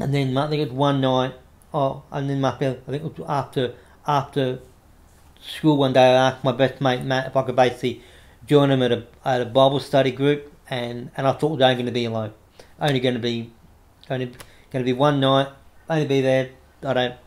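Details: Adult man with cerebral palsy affecting the right arm and leg, diagnosed after severe meningitis in infancy; he reports a mild stutter he manages by calming down; audible word and phrase repetitions; stuttering.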